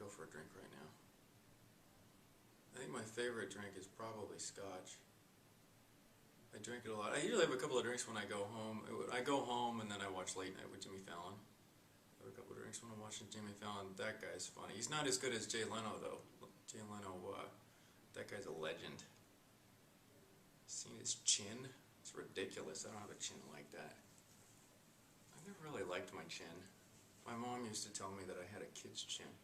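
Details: Acted demonstration of loose associations by a client: vague connections and continuous tangential links never returning to the central idea, a possible symptom of schizophrenia; mental status exam training example.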